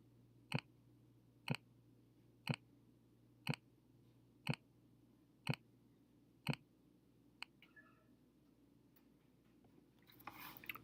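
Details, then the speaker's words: Simulated Korotkoff sounds in a classroom blood pressure game: seven evenly spaced thumps at about 60 a minute, first heard at 160, last at 100, giving 160/100, a hypertensive reading. "right so we once it fills up all the way we're just listening for those heartbeats okay the first heartbeat I heard was that 160 okay and then the last heartbeat I heard was about right here okay 100"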